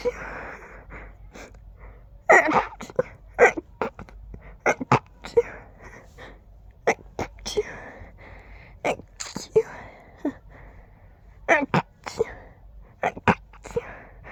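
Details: Adult with allergies acting up, tickly urge with every breath: a rapid run of many stifled, muffled sneezes with quick breaths between, nearly one per breath; stifled sneezing fit.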